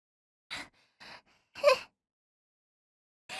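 Short sharp indrawn gasps in a row, then a burst, like a build-up to a sneeze.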